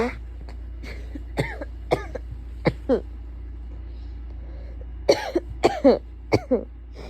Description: The tissues I bought reek of vasaline smelling lotion and I used them to induce and blow my nose, and it all was so much I had to cough, hope you enjoy :-))